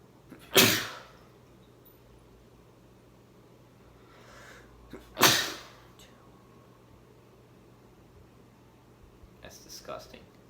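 Two sharp, explosive sneezes about five seconds apart, each with a short intake of breath before it, in a quiet room.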